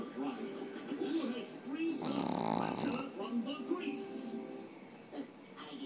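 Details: Teacup Yorkie puppy sleeping under its owner's arm: soft, uneven snoring breaths from a small dog, partly masked by television talk and music in the background; snoring.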